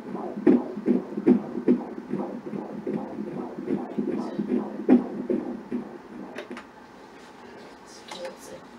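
Rapid regular whooshing beats at about 150 a minute, fading out near the end; a normal fetal heartbeat on ultrasound.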